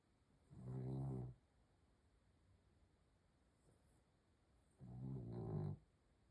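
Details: Two deep, rumbling snores about four seconds apart, roughly 15 breaths a minute, with quiet between: steady snoring during sleep.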